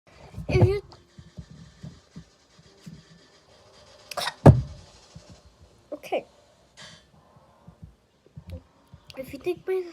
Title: Sorry, I have the hiccups